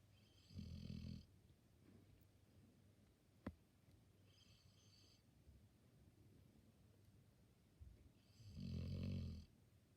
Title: Dog snoring for 33 seconds straight